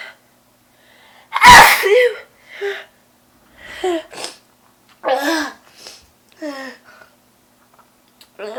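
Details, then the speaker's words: Sudden sneeze attack: one loud, explosive, very messy and wet sneeze with a sharp intake before it, then quiet speech in a small room. "okay that was really messy ew [Music] e oh my gosh that was so wet"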